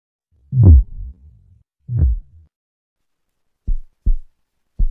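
Soft, low thuds in lub-dub pairs: normal first and second heart sounds.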